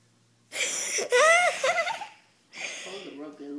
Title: Mocha sneezes in a funny way